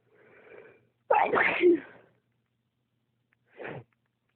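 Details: Sneezing spell triggered by cold toes when weather changes and warm socks aren't worn after getting out of bed, a trait inherited from dad: soft breathy build-up, loud explosive sneeze, then a shorter second sneeze.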